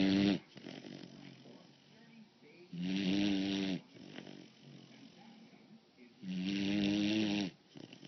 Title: She Snores.mov